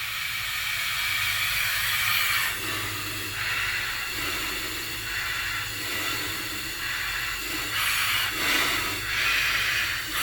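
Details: Continuous loud airflow hiss that rises and falls gently with breathing. A presenter without lung disease is breathing on a Flow-Safe II+ disposable CPAP system, with the flow turned up slightly to average about 5.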